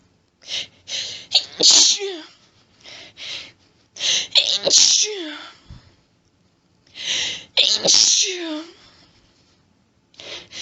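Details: Woman's allergic sneezing fit: repeated rapid groups of forceful sneezes, each preceded by hitching in-breaths, with sniffling and nose blowing.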